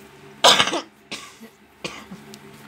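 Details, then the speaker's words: Mother's cough from an itchy throat: three dry coughs with a throat-clearing quality in a quiet room. "Mama gatel tenggorokannya ya."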